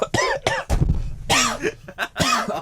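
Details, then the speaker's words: An adult man gives a run of harsh, dry coughs in quick bursts with no wet rattle, saying a pungent smell has him struggling to breathe; dry cough. "The dry cough's back."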